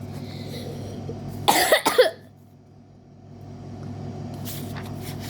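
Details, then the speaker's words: Two short harsh coughs in quick succession over a steady traffic-like rumble, from a reader who thinks they are sick, during a pause in reading a book aloud. "You will hear me coughing a lot because I think I'm sick."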